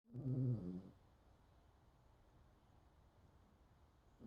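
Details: Dog snoring with windows open and rain falling outside: one low, rumbling snore, then quiet background noise; snoring.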